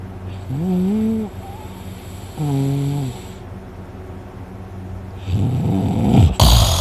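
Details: Person snoring heavily in sleep, very tired after a day of hunting, with a sore throat afterward: two loud droning inhaled snores rising and falling in pitch, then a rougher, noisier breath.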